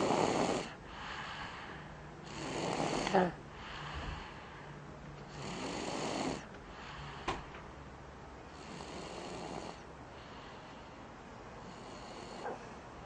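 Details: Sleeping man: irregular, rough, ordinary snores on the breath in, about four in 13 seconds, with quiet room noise between them.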